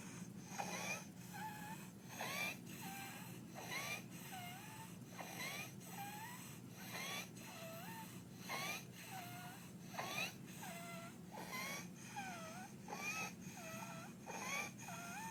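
Harsh, high-pitched noisy breaths about 40 a minute: inspiratory stridor of croup, signalling upper airway narrowing.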